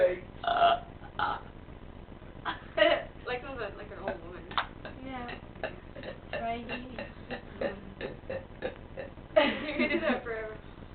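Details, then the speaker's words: Playful burp contest between two people: several deliberate, drawn-out voiced burps mixed with talking and laughter; voluntary burping. "let's have like a contest okay let's you know how they have like dance off let's do a bur off ready go okay I'll do you"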